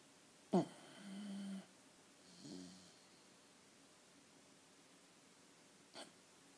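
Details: A sharp snort, then a low buzzing rumble on the in-breath, then a softer second one in a quiet room; snoring.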